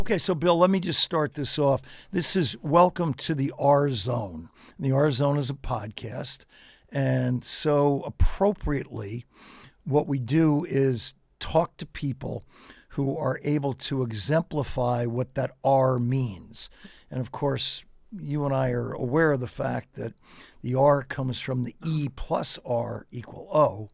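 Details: Adult male speaker; normal speech.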